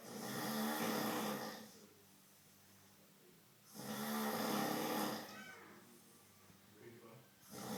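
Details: Bearded man sleeping: loud, rattling snores on each in-breath, likened to a speared boar, about 16 a minute with quiet gaps; heavy snoring.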